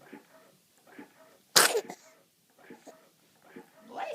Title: Tongue moving and sneezes